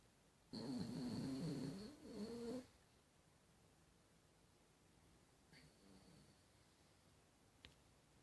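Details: Pet dog snoring: one long, rough, fluttering snore lasting about two seconds, then quiet breathing in a still room.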